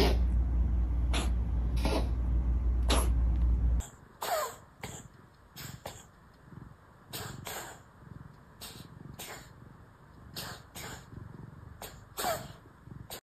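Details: A cat gives a run of short, dry, hacking coughs in quick succession: a feline asthma attack cough, often mistaken by owners for coughing up a hairball.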